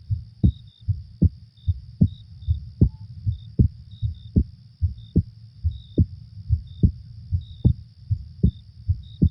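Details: Normal heartbeat recorded for sleep relaxation: steady low heart thumps at about 76 beats a minute, with a soft night-time ambient hum and faint chirps behind.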